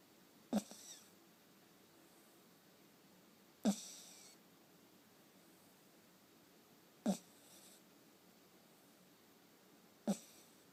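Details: Dog asleep in the owner's arms: four short snorting snores, each followed by a soft exhale, about 18 per minute in a quiet room; a sleeping dog snoring.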